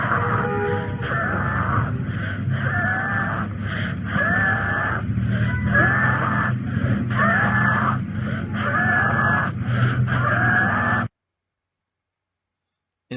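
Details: Wheeze in a child, given as an example while comparing stridor with wheezes in children; a wheeze.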